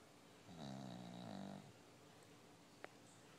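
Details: A sleepy bulldog gives one drawn-out, buzzing, fluttering snore lasting about a second, then quiet with a faint click; typical noisy snoring of a flat-faced dog.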